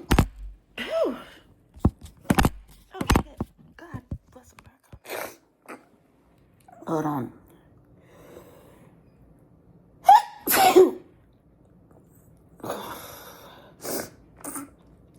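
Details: Morning sneezes at breakfast: several sharp, explosive sneezes with brief breathy build-ups between them, mixed with some vocal sounds in a small room.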